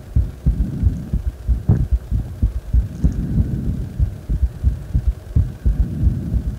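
Fast, strong, low heart thumps with a steady hum behind them, fitting a raised heart rate after deep squats.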